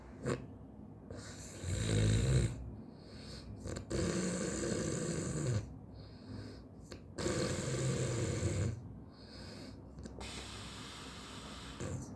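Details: Loud, rattling snores with each in-breath, about 20 a minute, with quieter out-breaths between them in a small room; live snoring.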